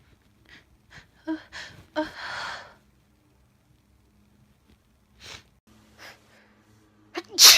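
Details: Several short in-breaths and catches after complaint that it tickles badly, then a sharp explosive sneeze; an ordinary sneeze.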